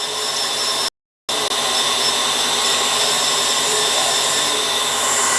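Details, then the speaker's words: Steady high-pitched whining hiss with a brief pause as a dental bur removes weakened tooth structure during root canal access opening of a grossly decayed mandibular first molar. "Now we have almost almost removed the weakened tooth sector that was there."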